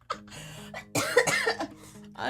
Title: Girl coughing 298